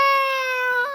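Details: A single brief, high-pitched, sustained infant cry with a clear, steady tone while being soothed; baby crying.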